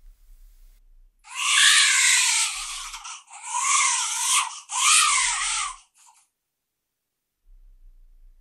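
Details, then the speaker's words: Simulation of a baby crying as heard through a cochlear implant two years after activation, by a user with one functional ear: three thin, hissy, high-pitched wails, not close to the original sound. "As you can hear, this does not sound very close to the original, but everything depends on the context. If you have a baby and know that it may cry, you will immediately associate this sound with crying."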